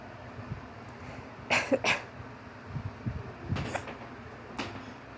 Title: Just a few wet sneezes